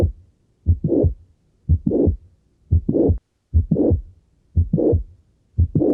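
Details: Heart auscultation, regular rate near 59 per minute: mitral valve prolapse with a mid-systolic click followed by a late systolic murmur.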